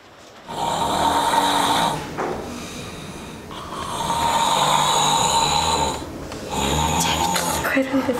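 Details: Loud snoring of a man asleep in a dressing room.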